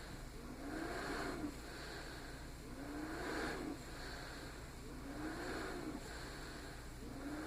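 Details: Small travel CPAP machine (DreamStation Go, AirMini or Transcend compared) running at 10 cmH2O with flex 3: steady low hum with a soft airflow whoosh rising and falling about every two seconds with the breaths; CPAP machine noise.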